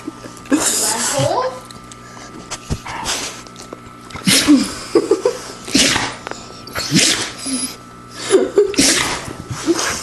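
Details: Dog with a sneezing fit, caught only at the end, whose owner asks if he has a cold: repeated sharp, explosive sneezes in quick succession, with soft talking in between.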